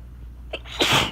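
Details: Someone who already felt tickly-nosed, recording during a rainstorm, gives a short sharp inward catch then one forceful sneeze, with faint rain noise in the background.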